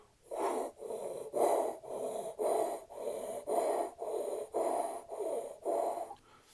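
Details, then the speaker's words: Imitated tracheal breath sound, best heard over the suprasternal notch: loud, harsh, hollow, tubular turbulent rushes of air through a large airway with no gap between inspiration and expiration. "o som traqueal é um som tubular e ele é resultante da passagem de ar de uma forma turbulenta é numa via aérea grande"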